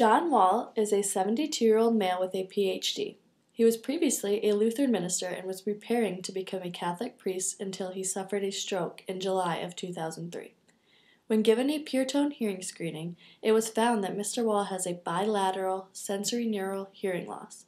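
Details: Adult woman speaking; normal adult speech.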